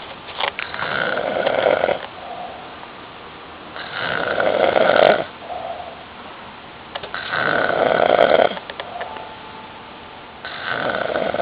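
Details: An adult man, the uploader's uncle, snoring loudly at night: rough snores repeat steadily, about four in eleven seconds, with quieter breathing between.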